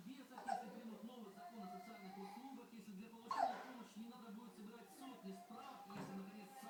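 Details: Three brief, sharp hiccups about every three seconds from a 10-week-old infant, with television talk in the background: hiccups.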